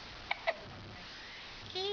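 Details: Baby girl hiccups, occurring several times a day: two quick, soft infant hiccups, then a brief bit of voice.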